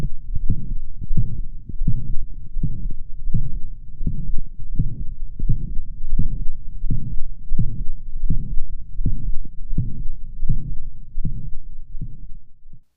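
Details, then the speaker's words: Dog with mitral valve regurgitation: hyperdynamic heart with loud slamming first sounds and steady whooshing holosystolic murmur throughout each beat, about 83 a minute. "in mitral valve regurgitation the heart ejects more blood volume than normal and is hyper dynamic"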